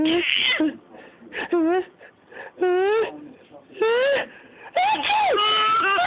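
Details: Short, rising-and-falling infant vocal bursts with whimpering, cry-like quality, separated by quieter breaths in a small room, from a baby who laughs at his father's fake sneezes; infant cry.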